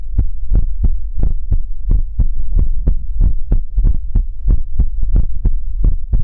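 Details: ASMR livestream heartbeat sound for relaxation: steady, muffled lub-dub at about 90 beats a minute with a faint low hum behind it; heartbeat.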